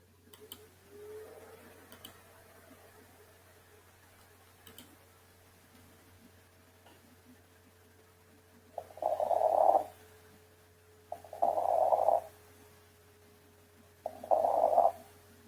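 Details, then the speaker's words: Auscultation in pneumonia showing consolidation signs (reduced air entry, crackles, bronchophony), focus possibly at lung bases: harsh, hollow bronchial breath sounds with scattered crackles. "y la oscultación característica que son los signos de consolidación: disminución de la entrada de aire, la presencia de crepitantes y la broncofonía. Escuchemos."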